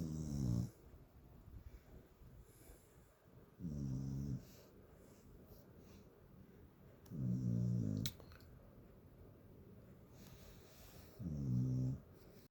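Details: A sleeping fluffy corgi snoring like Fred Flintstone: deep, rattling snores, about four over twelve seconds, separated by quiet pauses.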